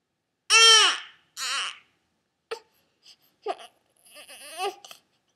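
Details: Seven-week-old baby girl with ongoing hiccups gives a loud wailing cry, followed by shorter fussy cries and whimpers.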